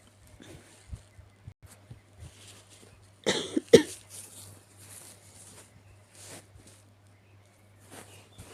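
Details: Cat with a sick-sounding cough: a short burst of harsh, hacking coughs in a quiet room with faint shuffling (caption also mentions sneezing).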